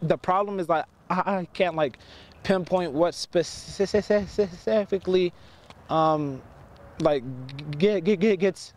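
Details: Stuttering in a male high school student who stutters on simple words and phrases; he has had speech classes since 8th grade with steady improvement, and the stutter largely stops when his football helmet is on.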